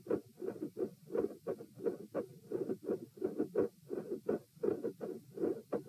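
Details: Heart auscultation at position P during a postural stress test (lie, sit, stand, lie; 72 bpm supine, 84 sitting, 108 standing, 72 supine): mid-systolic clicks with split second heart sound.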